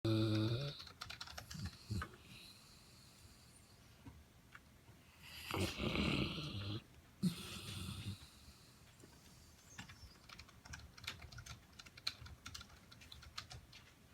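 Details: St. Bernard dog snoring: irregular snorting snores from a large dog, with keyboard typing clicks in the background.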